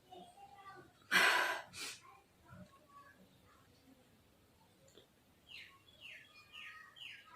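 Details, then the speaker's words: Woman's sneeze deliberately induced by tickling the nose with cotton in a sneezing challenge: one loud, sharp burst of air through the nose and mouth, with a softer echo, then faint room noise. "बहुत ज्यादा गुदगुदी होती है नाक में जैसे cotton डालते हैं ना बहुत गुदगुदी होती है"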